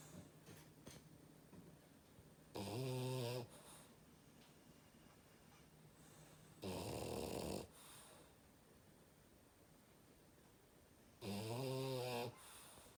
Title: Loudest Snore Ever of a French bulldog